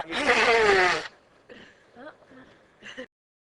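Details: Staged sneezing clip of a young woman sneezing for fun: a loud, explosive sneeze lasting about a second, followed by a few soft vocal sounds; sneezing.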